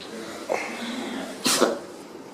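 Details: Animal sneezing: a short snort, then one sharp sneeze in a quiet room.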